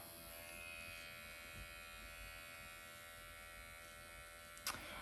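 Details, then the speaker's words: MD Needle Pen microneedling at 1 mm depth around the eye area, after strong numbing ointment; steady high electric buzz with a brief tap near the end; described as painless, with some erythema; self-treatment demonstration. "This does not hurt, by the way, at all. And I'm using like 1 millimeter still for this area."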